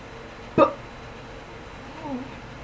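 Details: Acted demonstration of a tense stuttering block on the /p/ of "please" in an English sentence; stuttering block on plosive.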